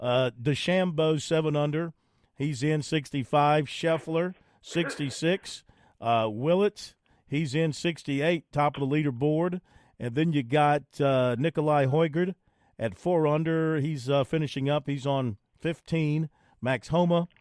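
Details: Adult male speaker; normal voice.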